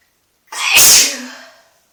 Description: Just a random video of me sneezing in the tub cause I felt like it ;)